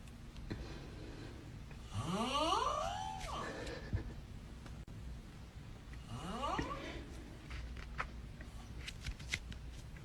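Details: Two noisy breaths about four seconds apart, each with a rising, squealing whistle-like tone, in a quiet room; whistling snoring.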